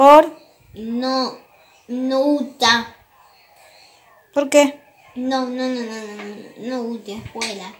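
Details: Speech of a 9-year-old boy with profound bilateral hearing loss who uses hearing processors after bilateral cochlear implant surgery and uses little oral language; likely answering his mother's questions about school.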